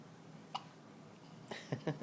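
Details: Newborn baby with hiccups, described as congested in the mornings: several brief, sharp, quiet catches of breath in a quiet room, a few close together near the end.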